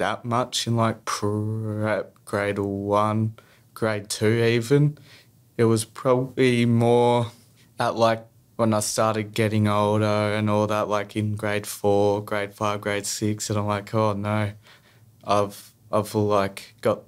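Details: Stuttering in a young male who stutters.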